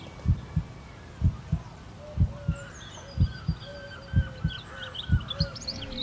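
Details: Heartbeat track in a sleep playlist with music and nature sounds: regular lub-dub beats at about 62 a minute with birdsong in the background; slow, steady heartbeat.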